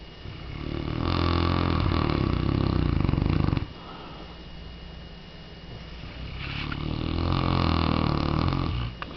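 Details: Three-year-old Mastiff dog makes two long, loud, low rattling snores separated by a quieter exhale, a coarse vibrating sound; described as the loudest one yet; loud snoring.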